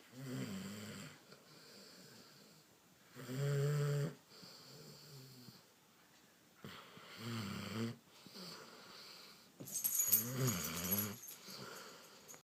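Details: Regular snoring with a rough rattle on each in-breath and a softer sound on each out-breath, about four breaths in 12 seconds.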